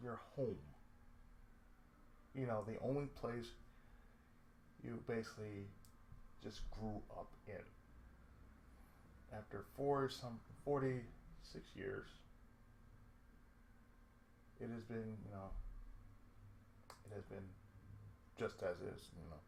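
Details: Adult man with cerebral palsy, a daily lifelong condition with speech problems since childhood; reports an occasional lisp, mid-sentence breaks and pauses, and a drawl; speech affected by cerebral palsy.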